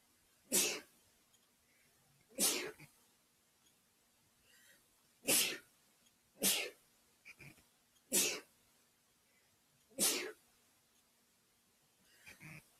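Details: Repeated ticklish sneezing, attributed to dust and a new Christmas tree: six sharp, hissing sneezes in about 13 seconds, spaced irregularly, with quiet gaps between them.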